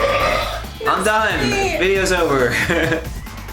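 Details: A person burps on purpose: a long, drawn-out voiced belch with a rumbling, shifting tone over background music in an edited compilation; deliberate burping.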